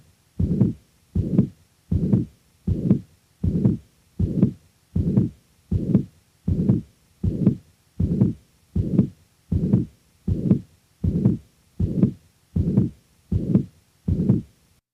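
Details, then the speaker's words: Real patient recording of mitral regurgitation: pansystolic (holosystolic) murmur, rather high-pitched, filling systole from S1 to S2, with a steady heartbeat near 78 a minute. "the next example will demonstrate the actual sounds from a patient with mitral regurgitation in this example note the rather high frequency of the murmur a characteristic commonly encountered in this condition"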